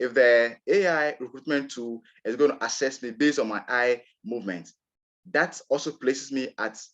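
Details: Adult man from Ghana who describes himself as a person who stammers, real recording of his own speech; stuttering.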